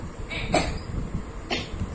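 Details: Two short, dry-sounding coughs from a young girl with a viral cold and cough, taking cold medicine; cough.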